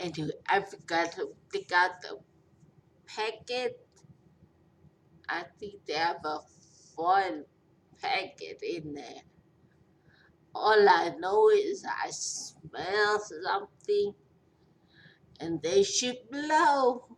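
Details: Post-stroke speech impairment in a 43-year-old woman after a major stroke with a long recovery.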